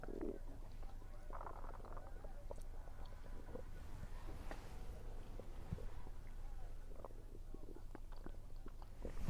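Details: Stomach rumbling recorded while eating, which the recorder attributes to low atmospheric pressure. Low gurgling and rumbling with faint clicks and some chewing noise: bowel sounds (borborygmi).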